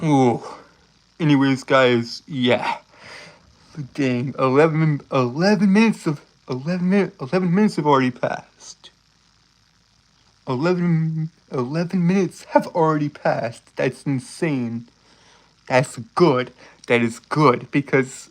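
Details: Male streamer who says he has a speech impediment causing him to stutter, trip over and repeat his words; this stretch has repeated words and phrases; stuttering.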